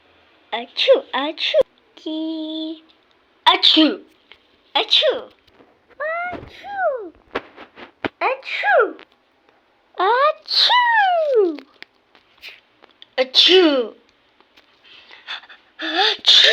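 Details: Cartoon character's acted sneezing from a sneeze compilation: repeated voiced, drawn-out "achoo" sneezes.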